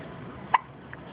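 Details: Newborn, 14 hours old: a single short, sharp squeak-like catch over steady room noise; hiccup.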